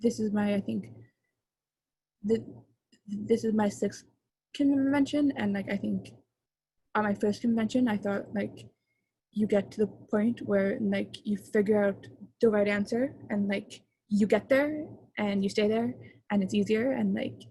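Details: Young female who stutters, with sound repetitions and word repetitions; stuttering.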